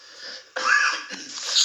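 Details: Cough.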